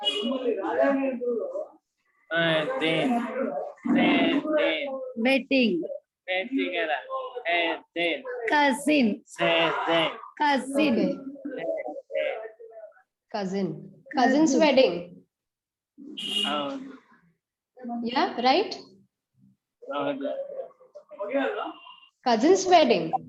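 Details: Adult man with aphasia in an online conversation-practice class with a speech-language pathologist, doing a timed picture-description task; the therapist notes he rushes to finish and has difficulty recalling words: aphasia.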